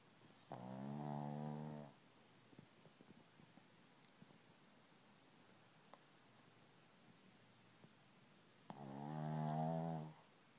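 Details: Snoring dog: two long, rattling snores about eight seconds apart, with quiet between them in a still room during sleep.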